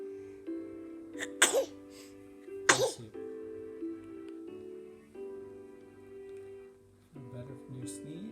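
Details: Infant at day 36 of life giving two quick, sharp sneezes over soft background music: ordinary newborn sneezing.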